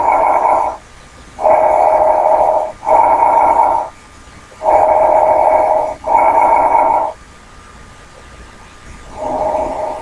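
Even breaths heard through a stethoscope, inspiration and expiration of equal length with a brief gap, about 16 a minute: normal bronchovesicular breath sounds.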